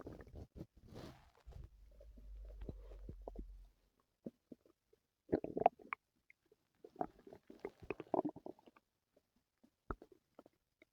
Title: my stomach hurt last night | stomach noises and growls